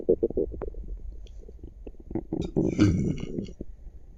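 Gurgling, bubbling rumbles in quick irregular bursts; active bowel sounds, a normal finding.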